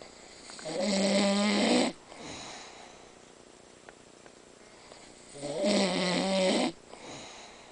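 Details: Two long, vibrating snores on the in-breath with soft airy out-breaths between, about one breath every four seconds, described as sounding like someone killing a cat; snoring.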